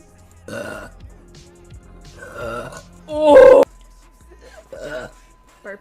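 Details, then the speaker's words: Woman belching repeatedly: four loud, voiced belches in a quiet room, one much louder and longer than the rest; belching. "Burping. Burping. Oh my god. Ooh, boo, boo. Oh my god, I have to burp again."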